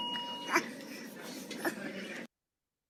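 After a stretch of steady room noise and a pause, an infant makes short, voiced grunts at the end of breaths: expiratory grunting.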